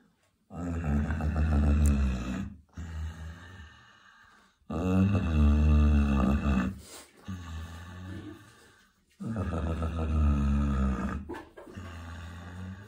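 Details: Loud, deep, rattling snores alternating with softer breaths, about 14 a minute, from a pig napping on a farm; heavy snoring.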